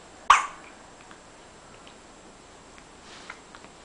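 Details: Two-month-old infant hiccupping: a single sharp, brief hiccup followed by faint soft clicks in a quiet room; hiccups.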